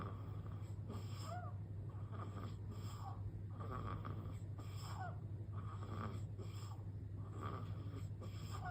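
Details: A newborn baby boy on his 15th day of life snoring in his sleep, possibly sleep-talking: soft, rough snoring breaths with faint squeaky notes on some breaths, over a steady low room hum.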